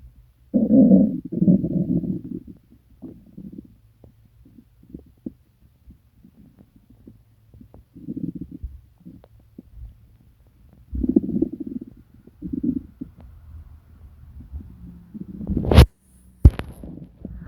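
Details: Borborygmi in a person sick for days with stomach pain, diarrhea and nausea: deep gurgling and growling bowel sounds in irregular bursts, some long and loud.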